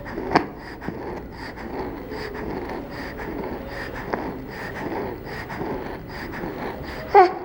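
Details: Child breathing fast with a whistling expiratory wheeze on each breath out, judged not to be stridor, which is a harsh sound on breathing in.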